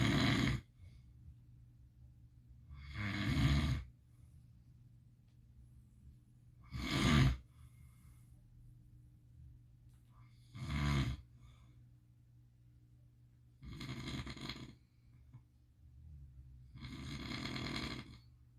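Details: Sleeping pit bull, possibly dreaming: low rattling snores with each breath, about 16 a minute, separated by quiet pauses; ordinary dog snoring.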